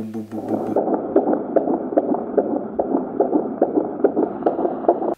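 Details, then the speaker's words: Fetal heartbeat from a handheld Doppler "stick" in a second pregnancy: rapid rhythmic whooshing beats about 145 a minute (reported around 140 to 148). "when we go to the doctor and they put the little it's not an ultrasound but it monitors the baby's heart rate it's just a little stick and then you hear it go"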